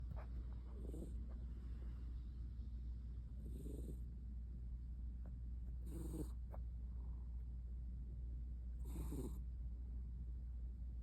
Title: Cat Snoring